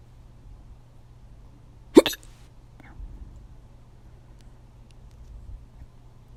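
A single sharp, abrupt hiccup with a brief catch of breath, then quiet room noise.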